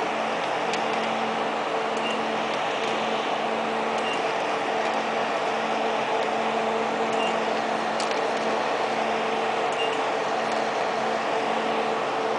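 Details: Steady fan-like hum with low tone and faint regular ticks: 1064nm long-pulse Nd:YAG laser running during hair removal.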